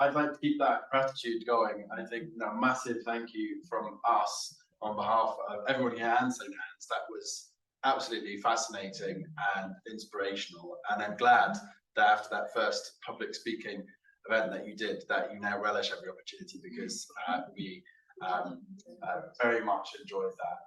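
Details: Adult male speaker; normal speech.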